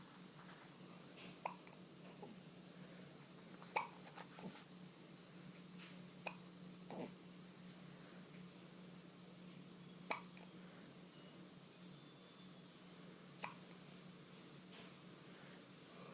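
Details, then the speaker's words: Hiccups recorded at a hospital: brief sharp hiccup clicks, about seven in sixteen seconds, at irregular intervals over a steady background hum. "funny hiccups."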